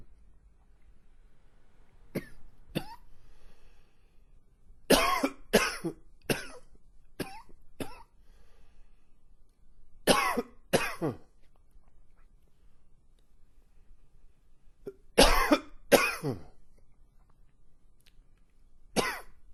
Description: Long and wheezy coughing fit. Hope you enjoy! Please comment.